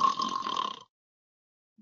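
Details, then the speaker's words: Imitated snoring from a dental sleep medicine webinar on obstructive sleep apnea screening with a snore screener and mandibular advancement: a brief rough breath, a pause, then a voiced, grunting, vibrating snore, as when a patient protrudes the lower jaw. "you have them start protruding their lower jaw you have them snore they may be able to snore there but it's a little more of the struggle then they snore and nothing"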